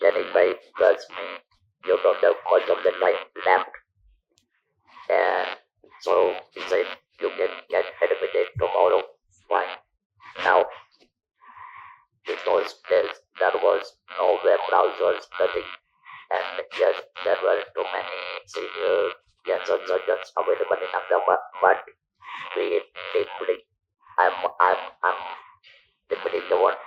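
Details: Adult who speaks with an electrolarynx after surgery in 1997 for stage 4 vocal cord (throat) cancer removed his natural voice; about 10,000 days of survival; electrolarynx speech.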